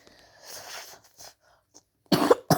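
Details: Person who says they are a little sick: quiet breathing and a throat sound, then two harsh coughs close together; cough.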